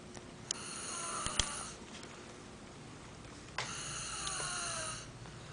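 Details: Two drawn-out, high whistling breaths about three seconds apart from a sleeping female dog in a quiet room: snoring.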